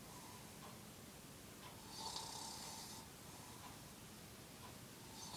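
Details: Sleeping adult man (dad): loud rasping snore on the in-breath with quieter breathing around it; ordinary snoring.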